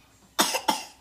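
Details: Two short, sharp, deliberate coughs from a young boy coughing on pepperoni while making pizza, acted for play.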